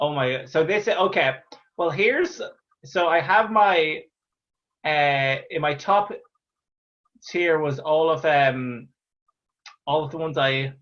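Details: Real stuttering (stammering) in an adult Irish man, a stand-up comedian who stammers, heard talking in an interview.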